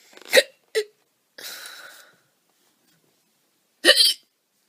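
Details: A woman has loud hiccups (singultus): three sharp, voiced hiccups spaced a few seconds apart, with a brief breathy exhale between them.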